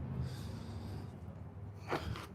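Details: Horse in his mid-20s, very sore in the withers, during a chiropractic maintenance adjustment with a leg being stretched: a low, rumbling nasal blow followed by a sharp burst of air through the nostrils, a horse snorting.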